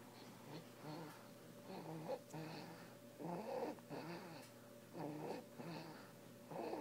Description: Since birth, our little man has snored. Here he is doing so at 5 weeks old.